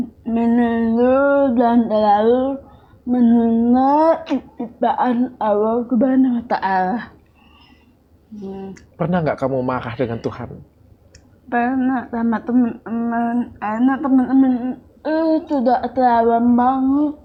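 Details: Young woman with cerebral palsy and speech difficulty since childhood; finding: dysarthria (cerebral palsy).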